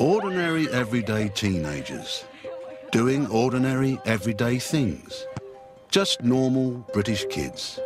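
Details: Adult male narrator; normal fluent speech.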